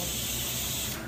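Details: Bronchoscopy in a patient with bronchiectasis: a steady hiss lasting about a second as topical lidocaine anaesthetic is sprayed into the airways.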